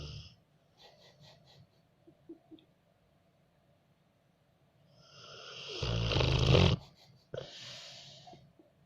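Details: Sleeping Rottweiler snoring: faint snuffling breaths, then a loud, rough snorting burst followed by quieter breathing.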